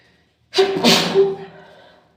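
A single sneeze, sharp burst with voiced tail, muffled as if into a tissue.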